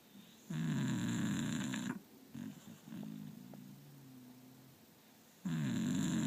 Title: Candy snoring